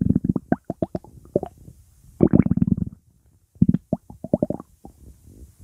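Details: Rapid bubbly gurgles and pops from an adult's hungry stomach: ordinary hunger bowel sounds.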